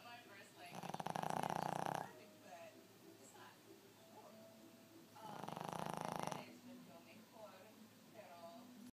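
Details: Snoring (owner jokes he could be a dog or a piglet): two long, loud, rattling snores about four seconds apart, with quieter breathing between.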